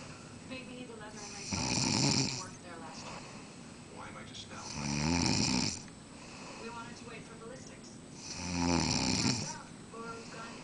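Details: Heavy snoring while sleeping, tired out after a Las Vegas trip: loud, rattling snores on each breath in, about 17 a minute, with quieter breathing between.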